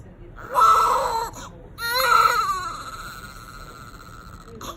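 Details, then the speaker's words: Newborn baby girl crying just after hospital delivery following about 24 hours of contractions; she stopped crying on grabbing her father's finger; two strong high-pitched wails fading to a softer whimper, a vigorous normal newborn cry. "did you see that papa bear look at him oh she grabbed his little finger and stopped crying"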